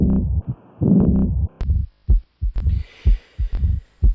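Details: Regular low heart thumps with a soft blowing murmur filling the pause after the second sound, in the long silence of ventricular diastole; a diastolic murmur of aortic regurgitation, presented as an auscultation teaching example.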